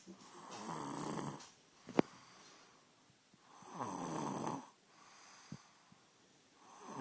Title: snoring